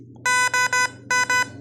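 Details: Completion alarm of an FVP 10 infusion pump during a calibration test run to a set volume of 10 ml: loud, clear electronic beeps, three then two, in a quiet room.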